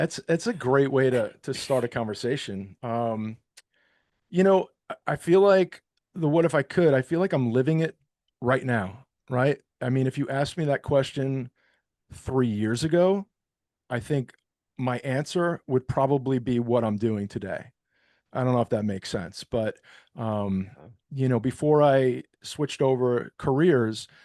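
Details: Adult man speaking; Normal adult male speech.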